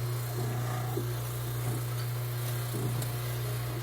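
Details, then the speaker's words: Dental lab lathe polishing a mandibular immediate-load full-arch All-on-4 acrylic prosthesis: steady low motor hum with soft rubbing and scraping as the acrylic is pressed and moved against a spinning wheel with polishing paste. "I get some paste I put it on the wheel really you need this lathe to do this job"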